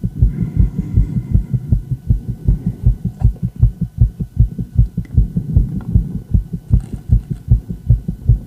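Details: Rapid, regular, low heart thumps from a female heart, heard through a stethoscope and recorded alongside an ECG: a rapid heartbeat (tachycardia).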